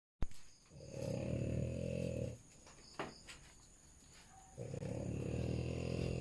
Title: Deep Sleep #frenchie #snoring